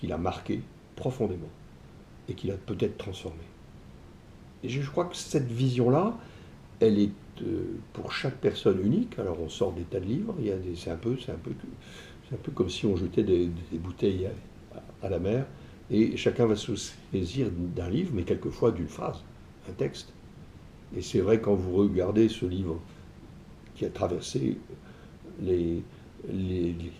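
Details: Adult male entrepreneur with stuttering (bégaiement), which he self-reports; he says his ease of speaking varies with how receptive the listener is. Finding: stuttering.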